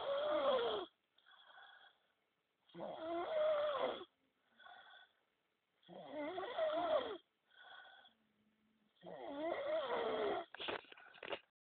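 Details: Adult snoring after a long night of drinking alcohol: loud, rough snores recur about every three seconds, each followed by a quieter exhale, roughly 19 a minute.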